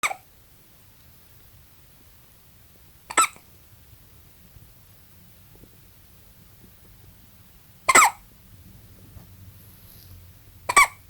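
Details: Newborn baby, 20 hours old, hiccuping: four brief, sharp hiccups over about eleven seconds, roughly 20 a minute, with quiet room noise between.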